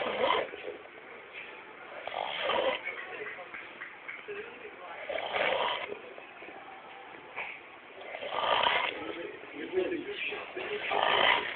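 Rough, rattling breathing noises recur every few seconds, muffled and band-limited, in keeping with snoring.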